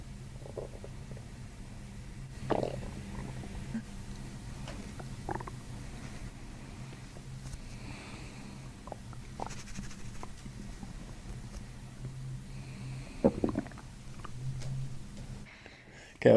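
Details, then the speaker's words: Active bowel sounds from an adult's abdomen during a chiropractic diaphragm manipulation with belly breathing, in a patient said to be starving. Low, rumbling gurgles with scattered bubbly pops as the stomach growl releases. "You should hear it release. see what else. Where was that the whole time? You need that stomach growl."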